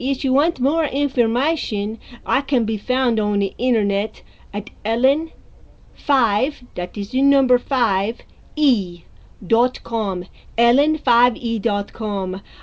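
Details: Rare foreign accent syndrome at six months after onset, with the accent still present despite her working on it; foreign accent syndrome.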